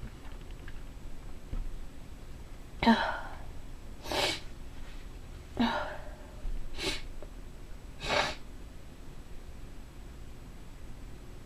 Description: I tried to do a variety of sneezes although not sure how successful I was...